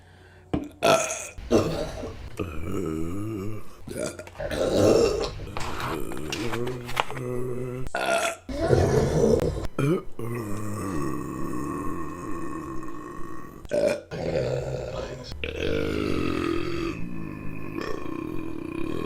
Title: Burping Compilation December #5 | RBC